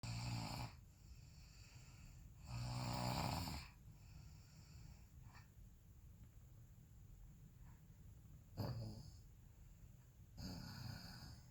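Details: Low, rough adult snores with long quiet pauses between them and faint background camera noise; snoring.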